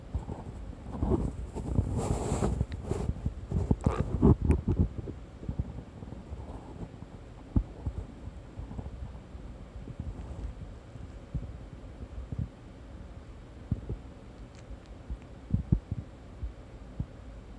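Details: Quiet low gurgles and rumbles with scattered soft pops from a pet lying down to sleep after eating hamburger steak; ordinary digestive bowel sounds.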